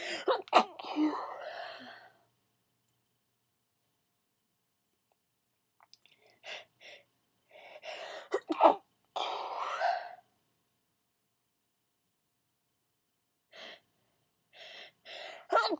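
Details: Requested stifled sneezing: muffled, breathy, held-back sneeze bursts with catching breaths and long silent stretches.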